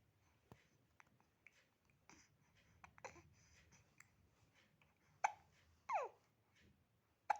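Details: Eight-week-old baby boy with hiccups: quiet room with soft, irregular short catches and small squeaky vocal sounds.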